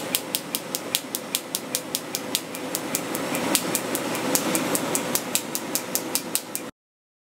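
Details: Laser technician removing a former gang member's tattoos at a medical spa: rapid sharp snapping clicks, about 150 a minute, over a steady machine hum, the pulses of a tattoo-removal laser.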